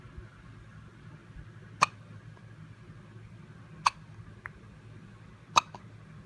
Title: hiccups